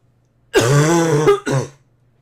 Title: Girl coughing 257